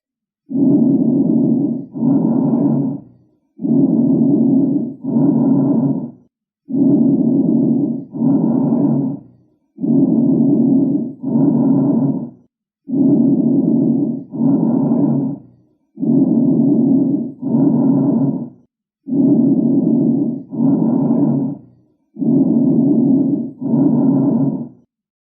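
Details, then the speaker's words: Bronchial breath sounds, auscultated over the first and second intercostal spaces of the anterior chest: loud, hollow, harsh and high-pitched, louder than vesicular sounds, with inspiration and expiration nearly equal and a brief pause between. "we're going to review bronchial breath sound these are a breath sound that can be auscultate 'add over the first and second intercostal space of the anterior chest and they're a hollow sound and they're going to be louder and even more high-pitched than vesicular breath sounds"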